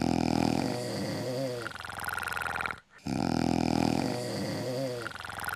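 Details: Loud, rattling, vibrating snores in a rough rhythm with a brief silence, from campmates snoring through the night in the reality-show camp; snoring.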